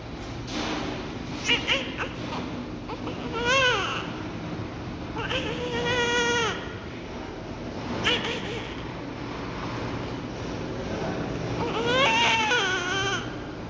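Short, repeated high-pitched cries from a newborn just after delivery, with room noise and voices in the background.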